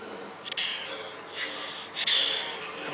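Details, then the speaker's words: Two harsh, effortful hissing breaths from a museum exhibit recording at a historic cotton mill, simulating laboured breathing of a worker whose lungs were damaged by inhaled cotton fibres. "as you can hear that that's somebody breathing with the cotton fibers against here long so it can stop it causes serious damage"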